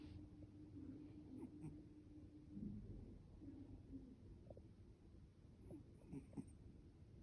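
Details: A pet cat snoring in its sleep "like a man": soft, steady, low rattling breathing with a faint whistling tone over background hiss.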